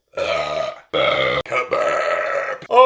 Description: His burps are amazing, so I decided to make a compilation :)